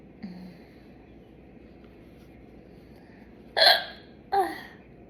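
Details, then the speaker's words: Hiccups in a young woman after chugging soda: two sharp, abrupt hiccups a moment apart, each a sudden catch of breath with a brief voiced click, after a faint earlier one. "That was like a yawn combined with a hiccup."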